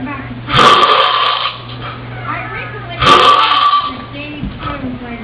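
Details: Man with severe snoring: two loud, rough, rattling sounds about two and a half seconds apart, with quieter breathing between them; heavy snoring.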